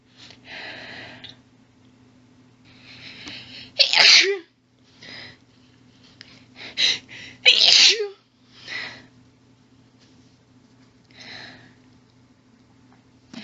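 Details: Female sneezer: breathy hitching build-ups with two loud forceful sneezes and several smaller stifled ones over about thirteen seconds, in an intense rapid sneezing fit that stifling made worse; faint steady hum behind.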